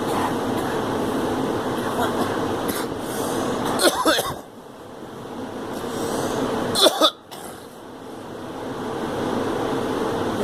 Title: Girl coughing